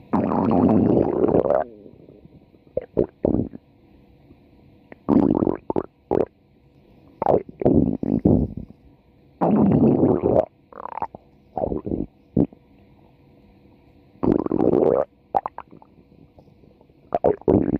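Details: Stomach growling recorded for 4 minutes: gurgling, rumbling bowel sounds in irregular bursts with quiet gaps; borborygmi.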